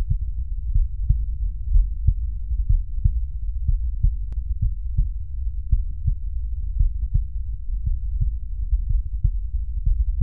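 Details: Cardiac auscultation teaching demonstration over valve auscultation foci: regular low thumping heartbeat about 80 a minute with clear first and second sounds; normal heart sounds.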